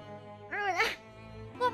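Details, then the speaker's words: A single loud, drawn-out voiced sneeze from a female streamer during a livestream, sounding more like a yelp or shout over a steady background hum; sneeze. "bersinnya kayak teriak sih barusan? Serius yang tadi bersinnya nggak keluar malah jadi teriak doang."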